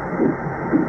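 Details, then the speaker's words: Fetal heart tones heard by ultrasound Doppler at an early prenatal visit, the first heartbeat check of the pregnancy: two rhythmic whooshing pulses over a steady hiss. "심장 소리를 듣고 왔습니다. 지금도 뱃속에서 쿵탁쿵탁 뛰고 있는 거야."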